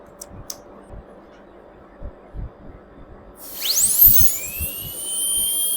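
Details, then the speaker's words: Quiet room with soft bumps, then an air rotor dental drill with a small round bur spins up to a rising whine, cutting initial depth into an occlusal pit cavity for a glass ionomer restoration; dental drill starting up. "I will be using a round bur for making the initial depth of the cavity."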